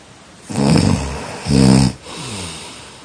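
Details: Two loud, rattling, vibrating snores on inhalation, each followed by a softer exhalation; snoring during sleep, framed as a danger and as noise pollution.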